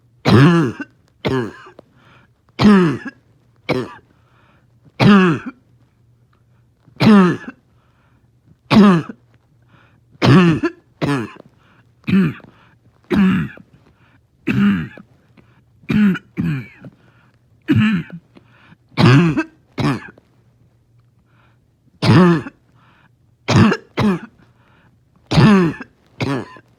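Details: Dog in the morning, finding it hard to rest: repeated short, harsh, bark-like coughs in quick runs with some wheezy quality; barking, wheezing cough.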